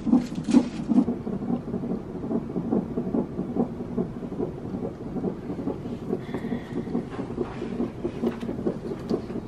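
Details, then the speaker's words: Woman in labour in hospital, having contractions, epidural planned: rapid rhythmic whooshing fetal heartbeat on a Doppler monitor at about 140 a minute, baby's heartbeat; fetal heartbeat on Doppler. "This इस babies heartbeat"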